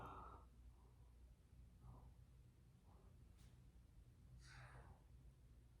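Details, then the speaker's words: A male pet dog needing more medicine from the vet coughs in the background: faint, short, repeated huffing bursts over low room hum. "there's my little boy coughing if y'all hear that coughing that's my dog"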